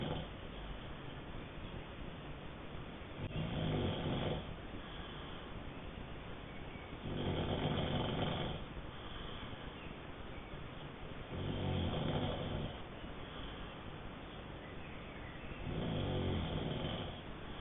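Regular low, rumbling snores about every four seconds, roughly 14 breaths a minute, over steady background hiss.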